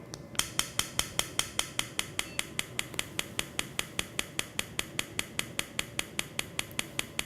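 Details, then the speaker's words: Acoustic rhinometer used on a patient in a sleep apnea screening who is breathing normally: steady sharp clicks about 150 a minute as sound waves measure the nasal passage size; acoustic rhinometer clicking. "all it's going to do is use sound waves to measure the size of your nasal passage ok I'm going to hear a little clicking sound"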